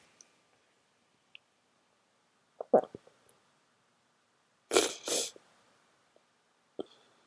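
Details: Strong explosive sneezes with a louder double burst midway and quiet gaps between; the person tries to announce each sneeze but they are too strong. Sneezing.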